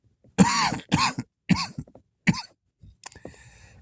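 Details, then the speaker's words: Four harsh, voiced coughs in quick succession, then a brief throat clear, from a person sick with COVID-19 and isolating in their room. "I'm sick. I have COVID, which sucks because I'm in my room and I have nothing to."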